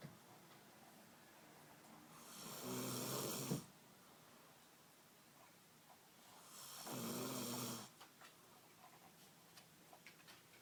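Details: Woman (girlfriend) asleep napping on a couch while TV plays, snoring louder and louder: two long, rasping inspiratory snores about 4 seconds apart over quiet room noise; ordinary snoring.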